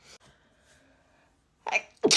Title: Allergy sneezing